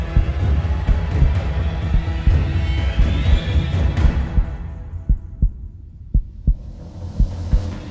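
Deep regular heartbeat thumps, about 57 a minute, under dramatic music that fades out; a produced heartbeat effect.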